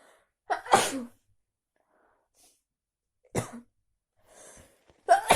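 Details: Three explosive sneezes, each with a quick intake of breath first, in a quiet room, after a walk in heavy cold rain without an umbrella.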